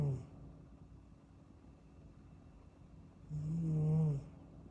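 Soft, low rumbling snore from a sleeping kitten, one brief at the start and one longer snore near the end, with quiet breathing between.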